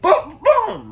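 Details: Male speaker with Tourette syndrome deliberately half-performing and disguising a vocal tic; suppressed vocal tic (Tourette syndrome)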